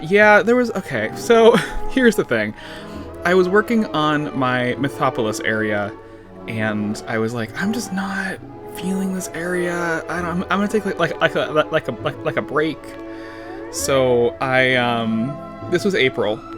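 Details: Adult man with lifelong stuttering, severe in childhood, who says he also slurs words and under-pronounces them to avoid long blocks; certain words and sounds still trip him up; stuttering.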